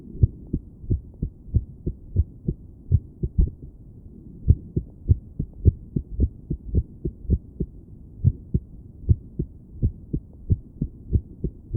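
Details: Woman listening to her own heart with a stethoscope while sitting on her bed, trying to breathe slowly and relax: uneven spacing, runs of quick beats broken by longer pauses, an irregular heartbeat.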